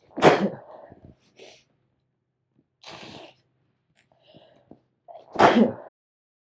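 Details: Person who deliberately triggered their allergies to sneeze: two loud sneezes with a softer sneeze-like burst between them and quiet breaths in between, an allergic sneezing fit.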